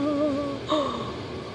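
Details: A 4-month-old baby girl's high, drawn-out cooing and giggling, broken by one sudden sharp catch of breath before a second squeal: infant hiccup.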